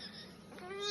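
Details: Stridor from subglottic stenosis, heard in a child within a teaching case on paediatric airway obstruction, its diagnosis and surgery; it is presented as stridor that was not asthma.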